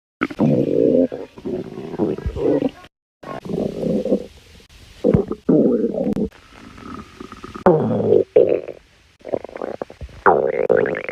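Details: Long, low gurgling rumbles in irregular bursts separated by brief pauses: stomach growling, ordinary bowel sounds.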